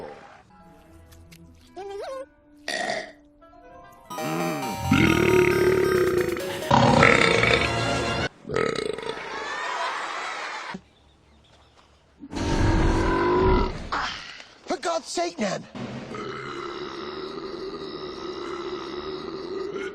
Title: Burping Supercut (Deleted Scene Part 2) - The Supercut